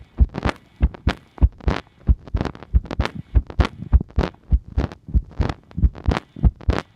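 Repeated paired thumping heartbeats at roughly 100 a minute, with rustling noise between beats.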